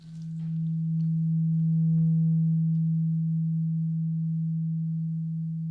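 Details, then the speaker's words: Simulated ASMR ear exam hearing test: a struck tuning fork gives a steady low hum that rises, holds, then slowly fades while the role-play patient, eyes closed, reports when the sound stops. "So, I'm going to get a tuning fork and I need you to close your eyes. And I want you to tell me when you hear the tuning fork sound stop, okay?"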